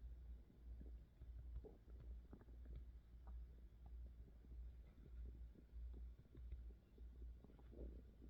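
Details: Low, continuous rumbling and gurgling with a steady deep hum underneath from an adult woman's belly: ordinary hunger stomach growling.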